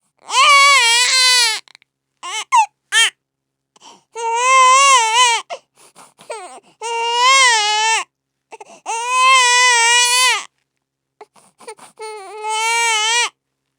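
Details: Simulated baby crying sound effect: repeated high-pitched wails with short gasping sobs between them.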